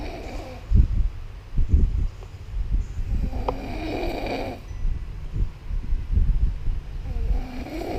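Loud, deep, rumbling noises repeat through the clip, with snorting breaths; heavy snoring.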